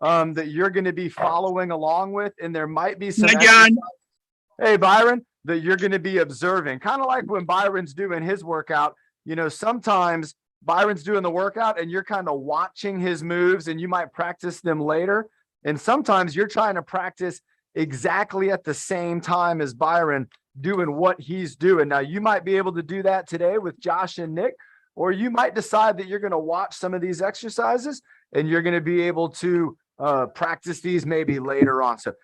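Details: Adult male speaker; typical speech.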